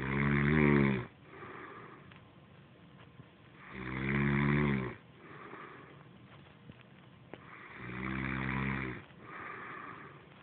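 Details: Loud, regular snoring from a sleeping mother, on each in-breath with quieter out-breaths, about 15 breaths a minute.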